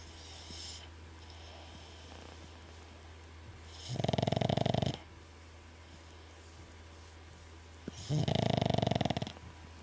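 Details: Snoring: two loud, buzzing, vibrating snores about four seconds apart over a constant low hum.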